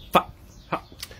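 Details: Adult man from Texas with Tourette syndrome introducing himself, with vocal tics interrupting his speech.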